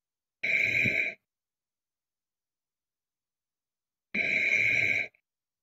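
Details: Two high-pitched, whistling, noisy breaths about four seconds apart in a quiet room: a squeaky nasal snore.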